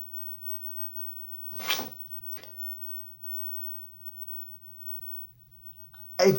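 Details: Person who had the urge to sneeze while starting a video: two short explosive bursts of air through nose and mouth, then a louder third burst, in a quiet room; sneezing.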